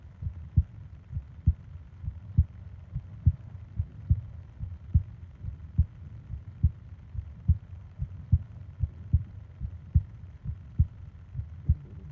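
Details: Japanese 20-minute ASMR sleep recording of heartbeat and breathing sounds: regular paired low thumps at about 71 a minute with faint breathing underneath; normal heartbeat.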